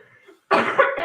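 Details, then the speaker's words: A single harsh, throat-clearing cough after a quiet moment in a room, from a speaker who says there is nasty stuff in their throat; cough. "Get the cough out first. Sorry. Nasty stuff in my throat."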